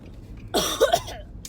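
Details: Faked wet, gurgling, gagging cough with fake blood, done as a prank and not a real illness; acted cough.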